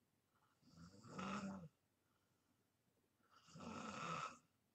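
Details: Self-recorded snoring in deep sleep: two slow, rough, rattling snores on breathing in, separated by quiet pauses.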